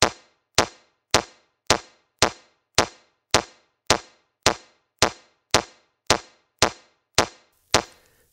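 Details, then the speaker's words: Metronome of a Mindray C-series AED in a training video, pacing CPR: regular sharp clicks at about 107 a minute for 30 chest compressions and two mouth-to-mouth breaths. "alusta kohe elustamisa järgi metronoomi et teha 30 korda sdamemassaaži ja kaks suustuhu hingamist"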